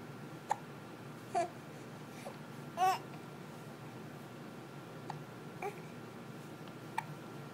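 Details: Person who gets hiccups often, talking with hiccups: brief sharp voiced catches at irregular intervals, six to seven in seven seconds, over quiet room noise.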